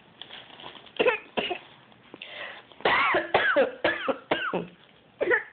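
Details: Short, high, playful cough-like bursts in quick runs with a few deeper coughs: a 15-month-old boy mimicking his parent coughing.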